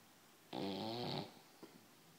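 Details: Dog snoring, described as mad snoring: a single buzzing, rattling snore under a second, followed by a soft snort.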